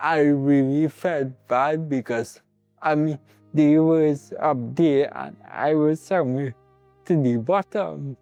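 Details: Adult man with cerebral palsy present from birth; dysarthric speech in cerebral palsy.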